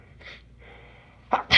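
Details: Morning allergy sneezing: soft breaths, then a sharp, forceful burst of air at the end; a sneeze.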